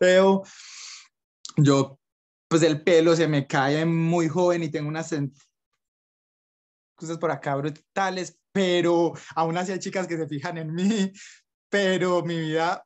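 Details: Young Colombian man who stutters, with blocks and facial gestures when speaking; stuttering.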